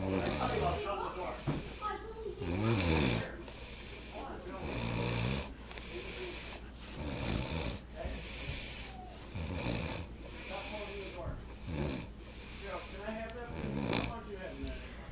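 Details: Uncle snoring during sleep: loud, rough, fluttering snores in quick irregular bursts, some snorting and gurgling; heavy snoring.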